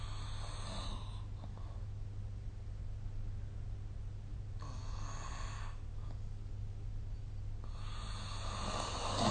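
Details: Snoring recorded during sleep with the SnoreLab app: rough, noisy breaths recurring every few seconds over a steady low room hum.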